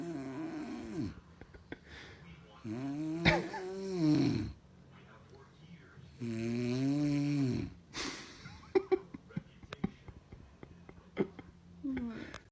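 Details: A sleeping mother, with her baby beside her, gives loud, rattling snores on two in-breaths, with clicks and faint room sounds between them: snoring.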